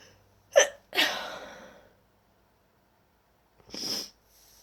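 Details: Sneezes during a nasty cold, described as odd, desperate sneezes: a sharp intake, then an explosive sneeze, followed after a pause by a second hissing sneeze-like burst.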